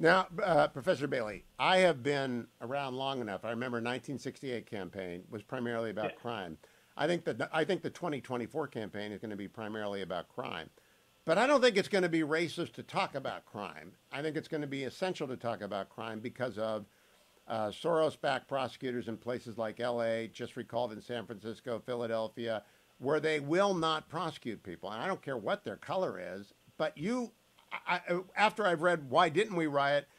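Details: Adult man; normal speech.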